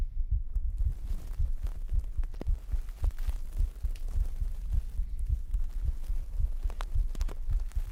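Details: Pre-recorded normal adult heartbeat played as an ASMR sleep trigger, recorded with a 3Dio binaural microphone: steady, soft low thumps, fairly quick, under a low background hum.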